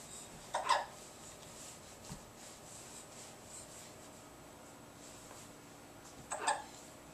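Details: 9-month-old girl who has been crawling for a while: two brief, abrupt hiccup sounds about six seconds apart in a quiet room; hiccups.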